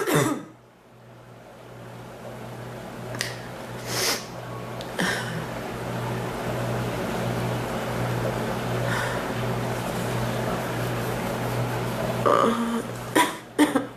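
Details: About six short cough bursts over room noise; person reports coughing hurts her back more than chest, cough waxing and waning, seeming to dry up a little.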